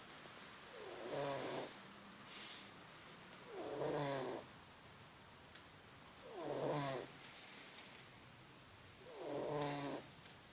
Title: Marley the cat sleeping and snoring